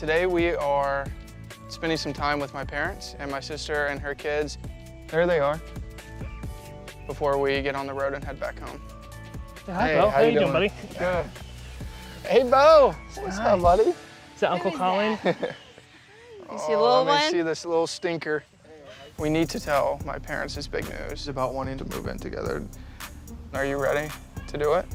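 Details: Adult male speaker; normal speech.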